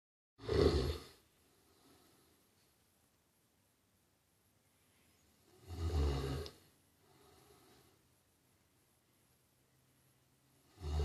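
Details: Loud, rumbling snores on the in-breath, each followed by a soft exhale, repeating about every five seconds (roughly 11 per minute): snoring.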